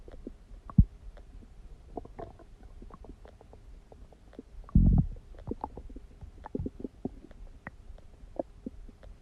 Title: stomach growling noises | My Stomach Makes Noises